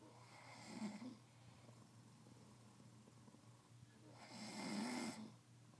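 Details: Two slow, rattling snores on inspiration with a quiet gap between, over a low steady hum; ordinary snoring in a sleeping man.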